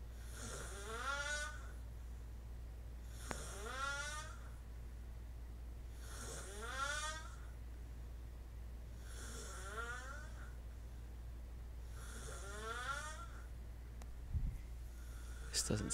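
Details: Sleeping adult with rattling, buzzy snores on each breath in, about 21 a minute, over a steady low room hum; loud snoring that kept the listener awake.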